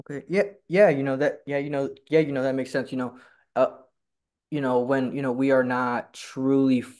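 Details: Stuttering in a person who stutters, speaking in a conversation between two people who stutter who met at a stuttering support group; a speaker says he is learning to fully embrace his stutter.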